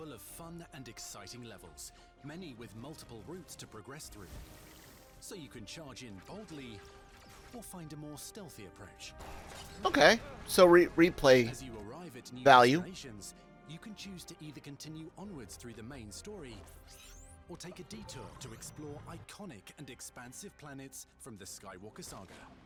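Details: Adult male narrator, over music and game sound effects; normal speech.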